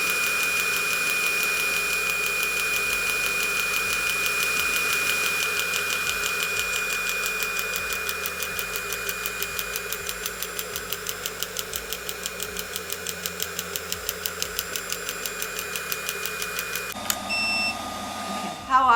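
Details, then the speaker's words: Extracorporeal shock wave therapy device set for erectile dysfunction treatment (tip 6, 300 impacts, 3 Hz): steady rapid ticking pulses over a constant machine hum, then a short beep. "so the directions stay to do a total of 1500 impacts 300 per second and do more more impacts toward the tip less up here and then slowly work towards more towards the end"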